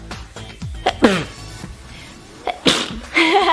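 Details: Two sharp sneezes from girls, each a quick intake then an explosive burst, with music and voices in the background.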